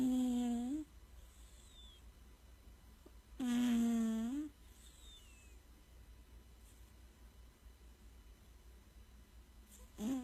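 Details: Cat snoring: two long, tonal, humming snores with a brief rise in pitch at the end, about 17 a minute, in a quiet room.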